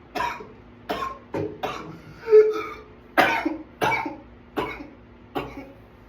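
About nine harsh coughs in quick succession over six seconds, a coughing fit.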